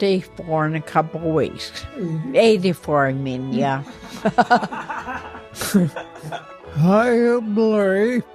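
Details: Woman with ataxia affecting her motor skills and voice; ataxic dysarthria.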